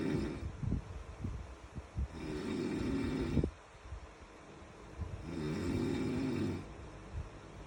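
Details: Person snoring in sleep: low, rattling snores on each in-breath, about 19 a minute, with quiet pauses between.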